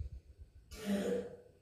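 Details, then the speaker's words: A young child gives a single short, voiced, throaty cough in a quiet room; the nursery teacher reported a persistent cough, and the child is about to be treated with drops. "слышите вон какой у него кашель"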